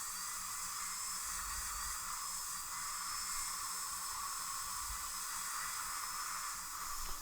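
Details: Continuous high-pitched whine with hiss of water spray; a high-speed dental drill reshaping a front tooth of a young adult woman during Lumineers veneer preparation under magnification, avoiding sensitive tooth structure.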